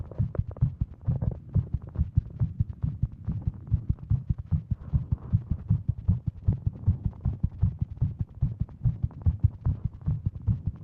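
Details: Tachycardia in a female with WPW syndrome, heart pounding while sitting at her desk, watch reading over 150: fast, pounding low heartbeat thumps at roughly 150 beats a minute.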